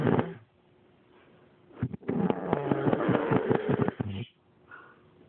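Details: Adult woman snoring while asleep: loud, rough, rattling snorts on each breath with quiet pauses between.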